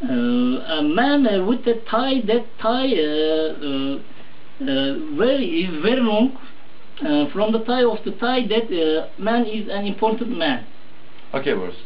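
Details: Interviewee describing a picture during an interview; finding: Wernicke's aphasia.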